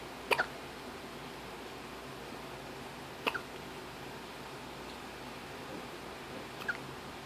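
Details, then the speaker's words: Three-day-old newborn girl hiccuping: three soft, sharp little catches about three seconds apart over faint room noise. "recording her? Yeah, she hiccuped. Huh? She hiccuped."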